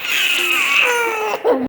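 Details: Baby crying in reaction just after sneezing: a short, high-pitched infant wail that falls in pitch and ends with a brief second sob, amid laughter; an ordinary baby cry.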